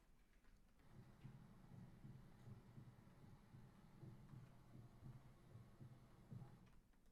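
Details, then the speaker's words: Muffled, regular low thumps of a heartbeat partly buried in steady low rumble and hiss, recorded by stethoscope: normal heart sounds with background noise. "so we've managed to totally cut majority of the background noise and the heartbeat sound is quite clear"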